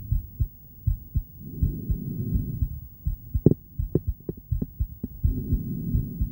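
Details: Adult female heartbeat picked up by an ultrasonic Doppler device: rhythmic whooshing low thumps at about 82 per minute, with a steady hum between beats.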